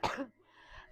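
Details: A single short, sharp cough followed by a soft breath from a person recovering from a cold that lasted weeks.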